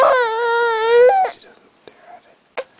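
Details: An infant girl during tummy time while her parents encourage her to lift her head, giving a single sustained high-pitched wail of about a second, then quiet fussing.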